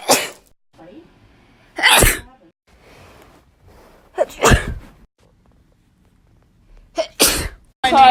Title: 2k18 sneezes